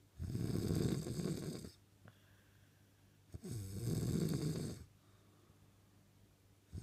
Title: The sweet sound of snoring